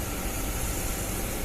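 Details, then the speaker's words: GEA YX930D portable suction pump just switched on, with the vacuum regulator being turned to set the negative pressure. A steady, loud motor hum with a hiss of air. "Sekarang kita coba, kita on kan. Nah, jika kita ingin mengatur tekanannya, putar aja nih vakum regulatornya."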